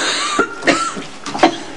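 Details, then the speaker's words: Adult woman acting in a drama scene gives four short, dry cough bursts in a quiet room, attributed in the scene to possible allergies; simulated cough. "okay allergies I don't know maybe the janitor and using some different product in here"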